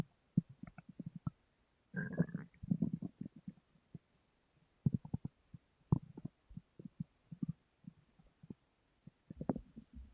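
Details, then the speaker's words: Stomach rumbling (borborygmi) in a sleeping adult woman: irregular low gurgles, pops and bubbling rumbles come in bursts in a quiet room. These are active bowel sounds, and she says her stomach grumbles a lot. "Can you believe me now when I say my stomach grumbled too much?"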